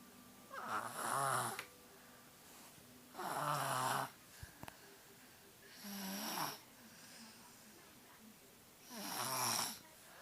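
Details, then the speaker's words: Female with a cold snoring heavily: loud, rattling snores on each in-breath, about 12 breaths a minute, quiet between; snoring attributed to her cold. "coitadinha, por causa que ela tá resfriada. Roncando pra caramba por causa do resfriado."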